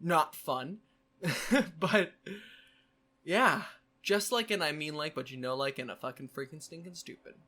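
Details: Complex vocal tic in a man with Tourette syndrome: a repeated tic phrase, a strange string of words, some profane (coprolalia-containing), present since childhood.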